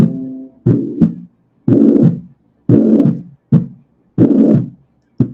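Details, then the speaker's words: Pansystolic tricuspid regurgitation murmur that varies with respiration, demonstrated in a cardiac auscultation teaching session alongside mitral regurgitation. "La insuficiencia mitral e insuficiencia tricuspidea, los dos son o los sistólicos o pansistólicos, entonces los dos son continuos, ¿no?"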